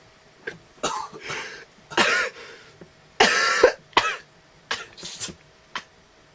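A run of about ten short, harsh coughs and throat-clearing sounds in quick bursts; a coughing fit.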